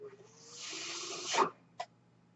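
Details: Real podcast recording in which the speaker explains that the noise heard is his own mechanical ventilator; a soft airy hiss swells for about a second, then stops with a brief click during a pause in speech; mechanical ventilator noise.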